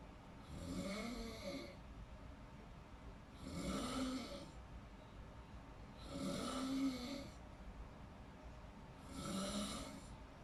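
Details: Snoring in deep sleep: four soft, rhythmic rasping snores at about 22 breaths a minute, an even snoring pattern.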